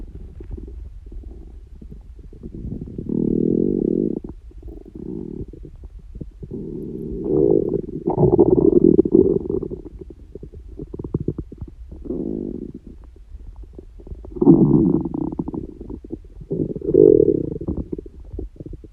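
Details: Person whose stomach growls very often, not hungry and without stomach pain: loud, irregular gurgling and rumbling bursts from the belly; stomach growling (borborygmi).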